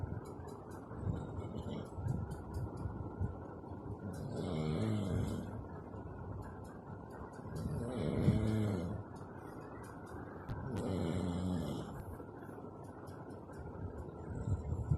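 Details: Two people snoring: three low rumbling snores roughly every three seconds under steady rustling and room noise.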